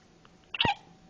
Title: twenty four hours new with the hiccups